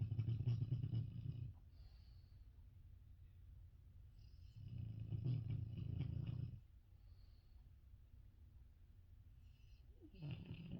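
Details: Female dog snoring loudly right next to the listener's ears: loud, low rattling snores in long bursts with quieter breathing between.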